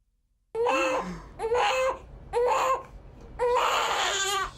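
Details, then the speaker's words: Fussy infant girl just over a month old at a follow-up audiology hearing test after failing her newborn hearing screen: four loud, fussy wailing cries with short breaths between them. "she's just over a month old and her fussy attitude is making it difficult for her audiologist to test her hearing"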